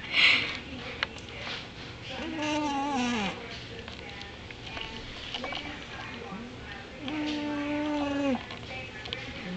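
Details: Sleeping cat in the dog's food bin gives drawn-out, buzzing snores with each breath, with a person laughing alongside.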